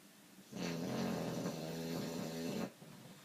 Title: Gracie the snoring bulldog